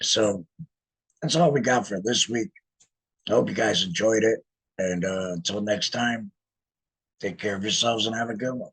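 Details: 47-year-old man, laryngectomee since laryngectomy in 2019, speaking with an electrolarynx that took about a year to get familiar with; electrolarynx speech.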